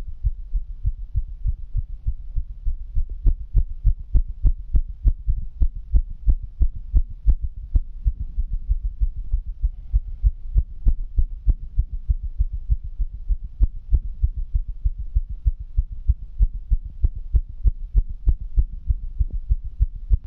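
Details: Fast heartbeat recorded in mono on one side only: rapid, regular, low thumping heart sounds over a steady deep hum.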